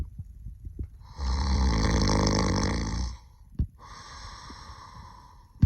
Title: 020: Bronto-snore-us.